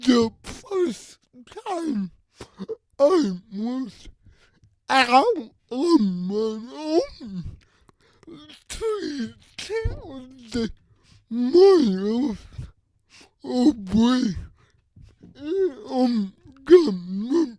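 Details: Adult with cerebral palsy who uses a wheelchair and walker and describes his own speech disability; his words are revoiced by another speaker; dysarthria (cerebral palsy).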